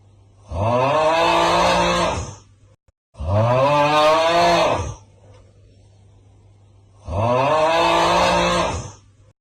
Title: COco is snoring so loud 😂😂😂